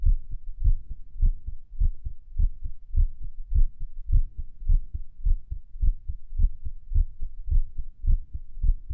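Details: Low, dull heartbeats through a stethoscope at Erb's point while lying on the stomach, listening to music, with uneven spacing between some beats consistent with an irregular heartbeat.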